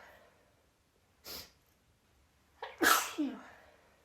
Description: So, after about five sneezes i started recording because I had a feeling it was going to be a thing and uhhh it did indeed become a thing!